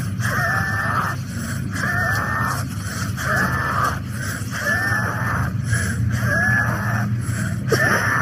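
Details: Wheezing in a child, played as a teaching example while explaining the mechanism, causes and differences between stridor and wheezes in children.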